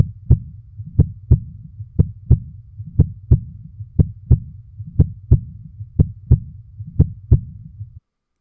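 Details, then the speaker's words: Normal heart sounds in an educational recording: regular lub-dub of S1 (mitral and tricuspid closure) and S2 (aortic and pulmonic closure) at about 60 beats a minute. "so now for the actual audio file this is what normal heart sounds sound like"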